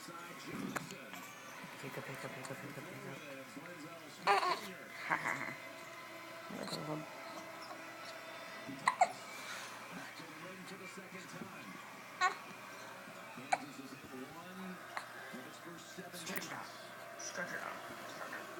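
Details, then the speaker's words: Baby hiccups: several brief, sharp hiccups at irregular intervals, with adult talk and laughter in the background. "What are those noises coming out of you? What are those noises? From my toes."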